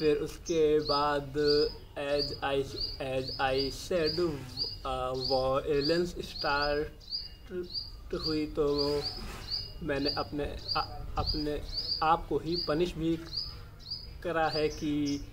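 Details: Adult male speaking Hindi; stammering.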